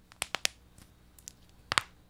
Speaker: I don't know about you but the sound of other people's knuckles cracking always weirds me out it just it just doesn't sound right